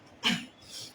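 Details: A single short, harsh throat clear or small cough from an adult woman who says she has a cold, during a spoken discourse, followed by quiet room hiss.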